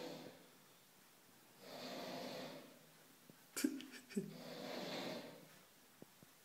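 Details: Snoring during sleep: slow, noisy breaths with a rough, rattling snort in the middle and a faint wheezy edge.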